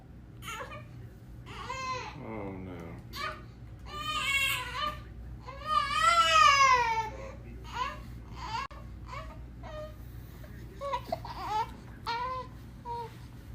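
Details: Six-month-old baby crying after being lifted away from resting against the family Golden Retriever: rhythmic, wavering wails broken by short catching breaths, in a small room.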